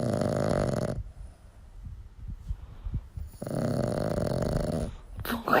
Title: Snoring dog